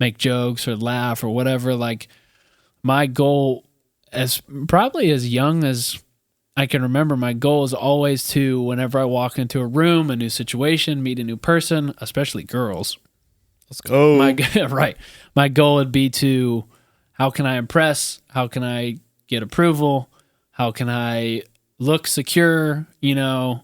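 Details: Adult male speaker; ordinary speech.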